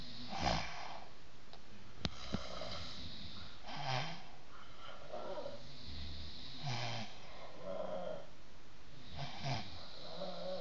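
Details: Ordinary snoring: rough, low snores about every three seconds, roughly 20 a minute, in a quiet room.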